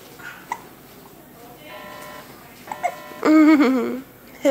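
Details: Baby sitting on a bed: brief, abrupt voiced catches, the last one loud, mixed with soft babble; hiccups.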